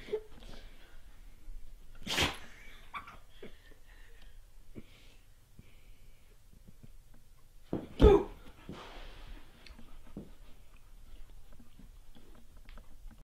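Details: Two sharp, explosive sneezes from a dog, with sniffing and snorting between them, over light room noise; sneezing.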